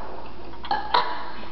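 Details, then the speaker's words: Deliberate burp at the end of a burping contest after drinking Coke: a short low burp over steady room noise. "E that what we call Baby Dry BP okay the burb C this is over"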